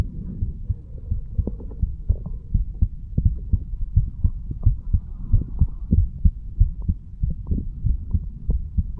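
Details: 35-year-old male standing, heartbeat recorded at the mitral (bicuspid) valve area: steady low thumping at about 94 beats a minute with faint background hum; normal heart sounds.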